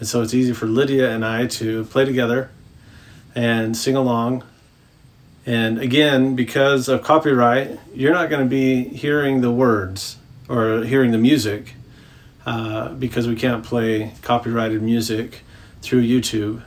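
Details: Adult male speaker; Normal speech.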